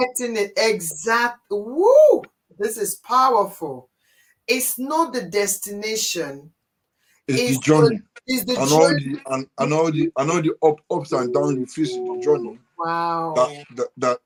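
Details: Adult man with cerebral palsy since birth, which he attributes to high bilirubin at birth and says affects movement and speech: dysarthria (cerebral palsy).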